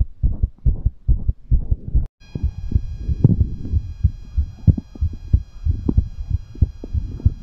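Quick, deep heartbeat thumps after exercise, a normal speeding of the heart with exertion.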